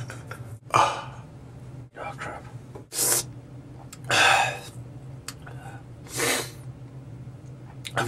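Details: Man attempting to sneeze with eyes open: four sharp explosive sneezes a couple of seconds apart over steady room hum, with faint noise between.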